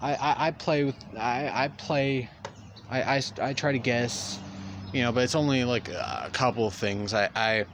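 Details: Male speaker who says he stutters; real stuttering throughout a long narrated story. Stuttering.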